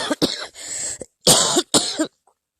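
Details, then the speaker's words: Adult who tested positive for COVID-19, diagnosed by an ER doctor with bronchitis; three harsh, wet-sounding coughs with throat clearing; cough. "i went to an er on friday thinking i had had a reaction to medication and it developed into this cough er doctor said you have bronchitis"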